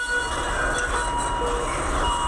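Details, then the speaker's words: Several overlapping electronic beeps at different pitches over steady hum: emergency-department monitor alarms sounding together, described as constant, with hundreds a day and no hierarchy. "Vous êtes peut-être déjà allé aux urgences. Je ne sais pas si vous vous souvenez ça fait du bip bruit. bip, oui. C'est infernal, écoutez."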